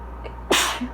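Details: Person reading aloud during an allergy fit: single sharp, explosive sneeze after a brief indrawn breath, faint room hum; sneezing with allergic rhinitis.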